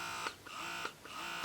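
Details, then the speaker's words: Phanpy wearable hands-free breast pump running in stimulation mode (eight levels): a quiet, steady motor hum with soft rhythmic pulsing about twice a second, described as not too loud. "turn it on for you guys so that's how loud it is it's not too loud this is the stimulation mode"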